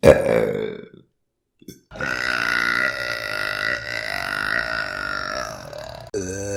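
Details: Loud voiced belch, a pause, then a long, sustained rumbling burp with a steady tone; burping.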